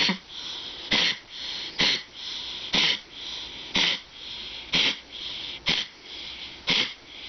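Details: A dog named Bear with collapsing trachea gives a run of about eight harsh, honking coughs, a typical collapsing trachea cough.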